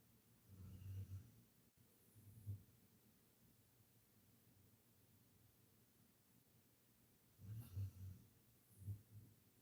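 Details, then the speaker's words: A dog asleep in her bed behind the speaker during a painting livestream: soft, low rumbling snores in a quiet room, a few bursts with pauses between them; snoring. "I'm so sorry if you can hear my dog snoring in the background. She's behind me laying in her bed."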